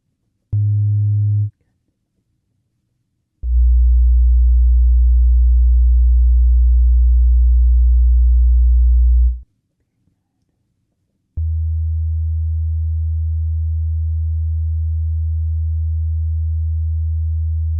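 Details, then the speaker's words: Simulated ASMR hearing test through headphones: three low, steady pure tones of differing lengths separated by silence; audiometry test tones. "there's gonna be a bunch of different beat tests and stuff like that."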